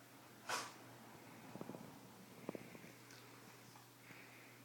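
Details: Shiba dog that the owner says has allergies: one sharp sneeze followed by snuffling nasal snorts. Sneezing.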